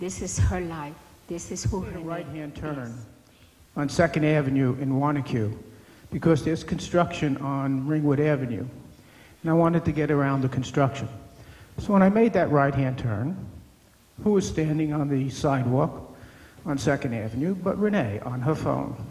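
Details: Adult man speaking; no disorder.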